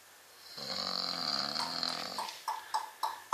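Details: Man who claimed he never snores, asleep and snoring: one long, rumbling snore on the in-breath, then short puffing out-breath sounds.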